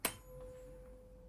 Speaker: as well so air conduction is more than b conduction meaning Rene positive so my patient is either normal or my patient might have sensory neural hearing loss